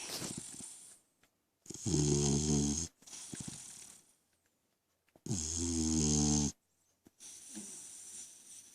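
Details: 3-month-old French Mastiff/Pitbull dog snoring: loud, rattling snores on the in-breath alternating with quieter out-breaths, a few cycles over several seconds.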